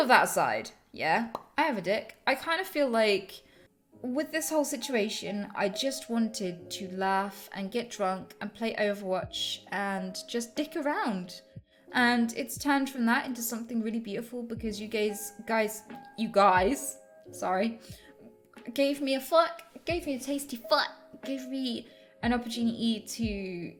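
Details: Woman with Tourette syndrome producing involuntary vocal tics with coprolalia, offensive and sexual words interrupting her normal speech.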